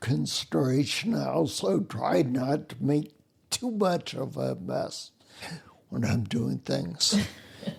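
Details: Ataxic dysarthria in a man with spinocerebellar ataxia, a rare neuromuscular disease, also with mobility and balance problems; slurring began while working, sounds drunk, and makes phone conversations difficult.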